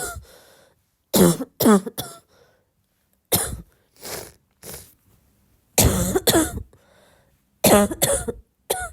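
Several clusters of harsh, throaty coughs with throat clearing between them; repeated coughing.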